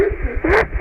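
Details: Brief, loud, high-pitched roaring or snoring-like breath sound audible without a stethoscope: stridor from upper airway obstruction, nasal or laryngeal.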